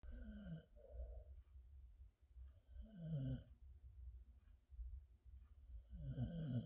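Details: Blue Heeler dog asleep in a person's arms, snoring softly: slow breaths, about 19 a minute, with a low rumble and nasal whistle on each breath in a quiet room.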